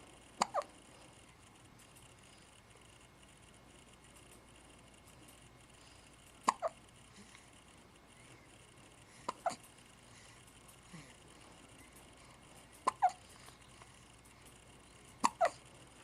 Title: Zoid getting a hiccup